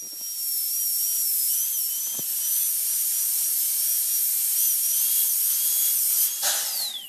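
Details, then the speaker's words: Steady high-pitched whine of a dental handpiece with bur trimming excess edge from a temporary crown on a fake model in pre-patient training, pitch shifting with pressure; dental handpiece trimming. "so I'm going to come back and trim the outside away there on both sides you can see the edge again and I'm going to trim that away until that's gone"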